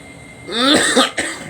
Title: Me coughing me coughing